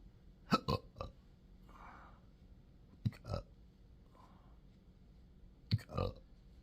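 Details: Three clusters of short, abrupt gulping sounds with belches in a patient with chronic intractable hiccups, belching, choking spasms and developing achalasia III since December 2015, occurring in 12-hour episodes daily.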